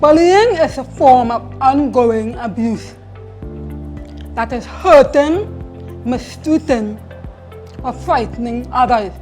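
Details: Hard-of-hearing male hearing-aid user who reports a speech impediment or tight tongue; articulation disorder (speech impediment).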